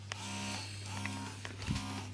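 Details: A quiet electric motor hum with soft rhythmic cycling and small clicks: a wearable breast pump running, used by a 30-year-old mother of seven, whose charge indicator showed red (1–10%) just before.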